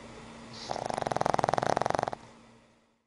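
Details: Pug snoring: one rattling, fluttering snore on a breath in, lasting about a second and a half.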